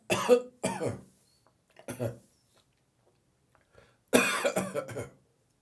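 Harsh coughing bursts with throaty, voiced gagging sounds, typical of a morning cough that brings on a gag.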